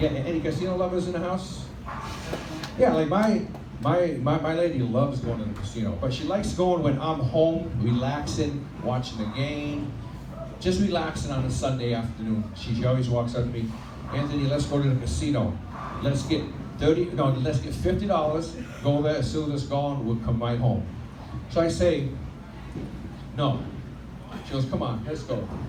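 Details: Adult male stand-up comedian who has stuttered since childhood and had 15 years of speech therapy, performing live; stutter milder on a microphone and worse when nervous; vowel-initial words, especially 'I', are hardest; stuttering.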